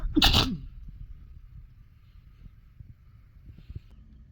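A single sharp, explosive sneeze followed by quiet outdoor background.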